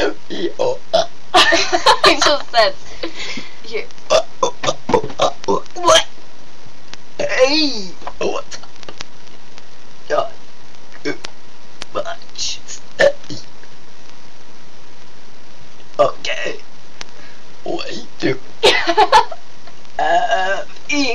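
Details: Two people holding a deliberate burping conversation: repeated voluntary burps woven into playful talk, some shaped into words, over steady background hum; burping.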